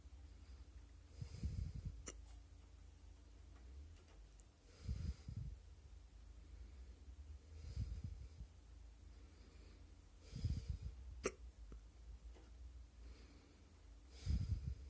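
Five muffled low jerks with soft breathy catches, spaced a few seconds apart, about 20 a minute; hiccups heard from the neck.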